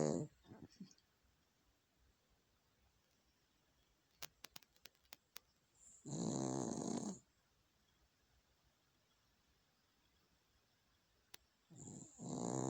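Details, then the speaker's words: Very loud snoring all night from a sleeper who sometimes doesn't fully close her eyes: loud, rough, rattling snores about a second each with long quiet gaps. "That's what I hear all night when I'm sleeping."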